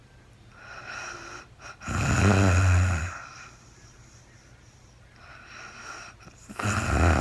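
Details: Adult woman recorded in real time during overnight sleep after being very tired: two loud, rough snores on breathing in, separated by quiet breathing, over a steady background hum; snoring.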